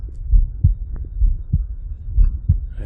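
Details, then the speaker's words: Person's own heartbeat recorded with an Echo stethoscope, one edited pulse repeated into a loop: clear, regular lub-dub about 70 beats a minute, no added sounds; normal heart sounds. "So hit OK, and now we have a whole bunch of heartbeats. That will last the duration of our song."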